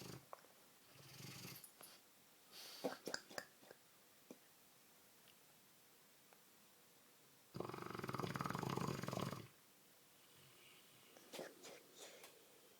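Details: A sleeping Dogue de Bordeaux gives soft irregular snorts and one long rumbling snore of about two seconds in a quiet room; snoring.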